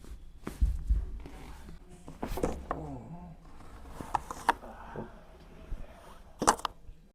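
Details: Soft room sounds and movement, then several crisp clicks and pops during a chiropractic back manipulation for a stiff back, after the patient breathes in, exhales and holds; spinal manipulation cracks.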